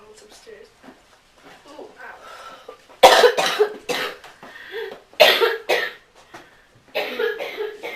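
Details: Person who mentions an inhaler, amid talk of smoking, coughing: about three bursts of harsh, loud coughing between quieter voice sounds in a small room.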